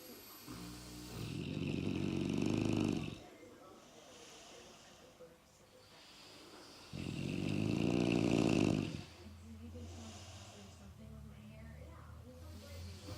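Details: Two sleepers snoring together, one louder than the other: loud rumbling snores on each breath in, two long snores about six seconds apart, with quieter breathing between.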